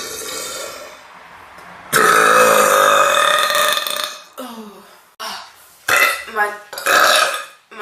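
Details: Burping: one long, loud, voiced belch followed by several shorter burps, with brief exclamations between them.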